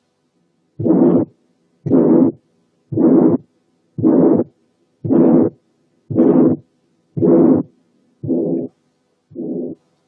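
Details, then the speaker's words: Severe pulmonary stenosis: very long, harsh ejection systolic murmur with each beat, about 57 a minute, reaching the second sound and masking its aortic component; the pulmonary component is weak and poorly heard. "نسمع كمان حالة severe pulmonary stenosis مدية very long ejection systolic murmur واصلة للسكند ساوند ومغطية الايورتيك component of the second sound بحيث انه مش باين منها"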